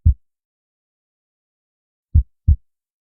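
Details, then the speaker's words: Low heart thumps with a very long silent gap between beats, a markedly slow rhythm, played as an example of a slow heart; bradycardia. "así se escucha un corazón brad y cárnico o lento"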